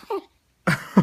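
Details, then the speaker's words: Infant boy with hiccups: a brief soft sound, a pause, then a sudden explosive forceful sneeze. "bless you boy this knee is too hard you sneeze too hard boy"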